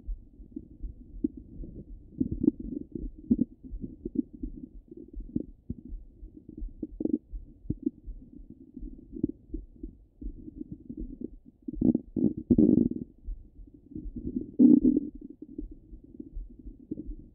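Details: Stomach rumbling from a half-hour recording, heard through a stethoscope: low gurgles and rumbling bursts that come and go irregularly, with some louder bubbling spells, bowel sounds.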